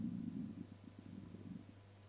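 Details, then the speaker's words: Adult woman over 40 who had not eaten before filming: a low, bubbling, gurgling rumble rolling on and off for about two seconds in a quiet room: stomach growling (borborygmi). "let's move on to base and apologies if you can not only hear the dog barking outside which is incredibly annoying but if you can hear my stomach growling"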